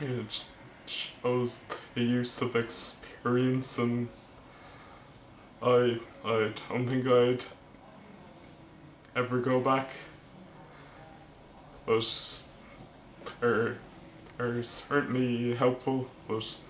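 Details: Male vlogger who stammers, speaking with word repetitions; stuttering.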